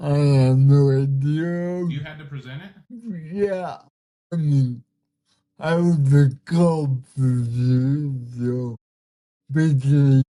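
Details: 32-year-old man with cerebral palsy whose body resists him, making communication hard at times; listeners found him hard to understand at first; dysarthria (cerebral palsy).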